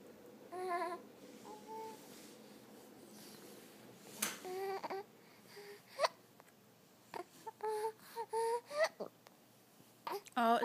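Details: Infant boy fussing with short whimpers and fussy cries broken by sharp little catches from hiccups.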